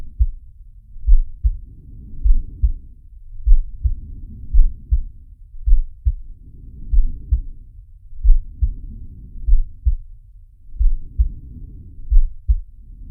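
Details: Animated cartoon shark character's heartbeat and breathing sound effect, not a real recording: low regular heart thumps through slow rhythmic breaths, about five breaths in thirteen seconds.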